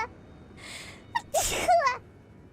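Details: A quick gasping in-breath followed by a single sharp sneeze with a voiced tail.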